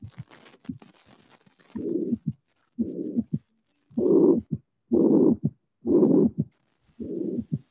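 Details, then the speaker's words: Teaching recording: a few normal beats, then an added right-sided third heart sound, then long blowing tricuspid regurgitation murmurs at about 63 a minute, louder on inspiration with cyclic respiratory variation. "So in this case, you will hear first three normal beats, then a third sound will be added, and then the tricuspid regurgitation with cyclic variation due to inspiratory maneuver will occur."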